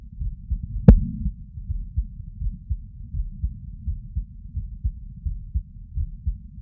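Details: Normal heart sounds recorded sitting: steady, regular low lub-dub beats about 80 per minute, with one sharp handling click early on.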